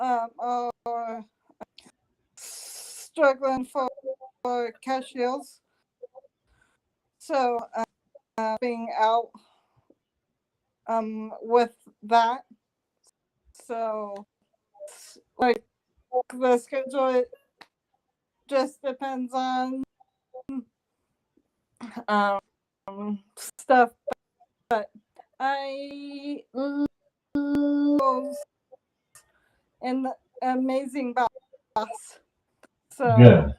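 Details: Aphasia in an adult woman stroke survivor working on speech and memory in therapy and at home, reportedly much improved since starting.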